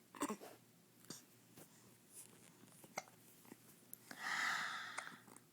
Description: Baby has hiccups!